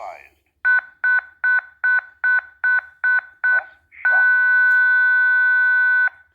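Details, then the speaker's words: ZOLL M2 defibrillator in AED mode during CPR: eight evenly spaced beeps, then a short prompt tone and a steady two-second tone as it charges to shock at 150 joules after telling the rescuer to stop CPR and analyzing. "he tells me to stop CPR analyze you'll be shocking 150 joules"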